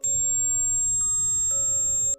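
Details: A steady, piercing high-pitched tone with faint, changing chime-like notes underneath, simulating the ear ringing of tinnitus.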